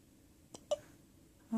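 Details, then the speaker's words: Infant in a quiet room: two brief, sharp catching sounds close together; hiccups. "what's going on? You got the hiccups? You got hiccups?"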